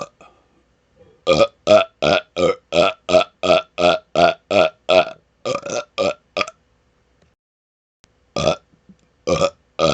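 A rapid run of about fifteen loud burps in quick succession, then a pause and a few more burps.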